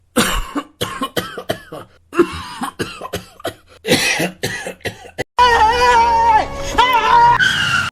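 An acted fit of about a dozen short, harsh coughs in quick succession, then music.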